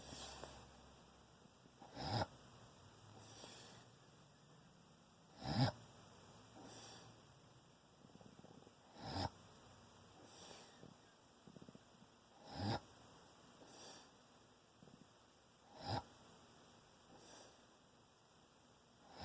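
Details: Snoring in a sleeping animal named Ozzie: brief snorting, wet-sounding breath bursts about every 3.5 seconds, roughly 17 a minute, over a steady hum.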